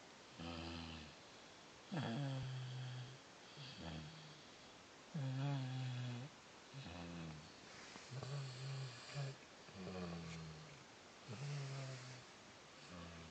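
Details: Steady rhythmic snoring, about 19 breaths a minute, each breath a low rattling snore on both inhalation and exhalation; snoring.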